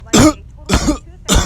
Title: Who coughed?